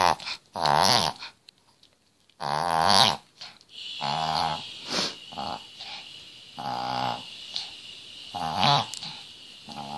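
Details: Chihuahua with a collapsing trachea makes repeated loud honking, snorting inhalations in irregular bursts during a long reverse-sneeze episode. During episodes he stops breathing, his gums go purple and his eyes become bloodshot. Triggers include cold air, excitement, drinking fast, running and licking.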